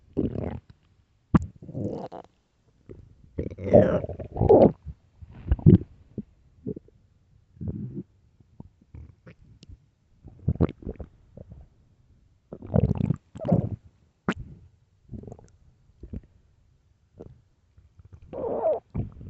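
Repeated loud low gurgling and rumbling bursts with short gaps: stomach growling (borborygmi), ordinary bowel sounds of hunger.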